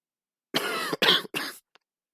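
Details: Adult man, sick for several days with a hoarse voice and improving, gives three quick, harsh cough bursts with a faint catch at the end.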